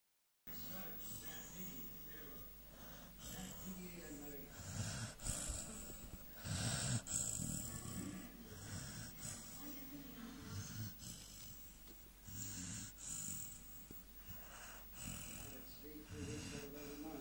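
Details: Steady snuffling, wheezy snoring from a sleeping American Staffordshire Terrier over a noisy room background; ordinary sleep snoring.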